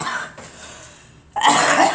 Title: Girl coughing